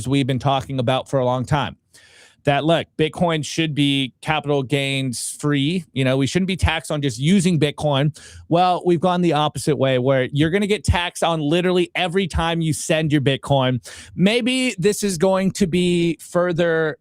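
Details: Adult male speaker; normal speech.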